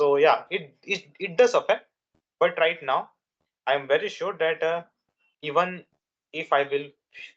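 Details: Stuttering in a young adult man who has stuttered since childhood, for more than 10 years; his father also stammered, and his main triggers are nervousness and a fast speech rate.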